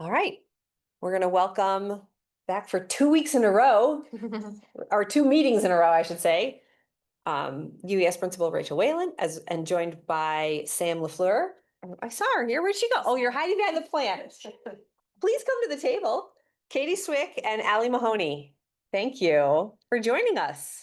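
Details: Adult woman speaking; Typical voice.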